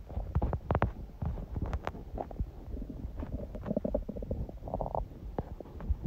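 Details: Hunger bowel sounds (borborygmi): low gurgling and rumbling with bursts and a few sharper pops; recording also includes sneezing; normal finding.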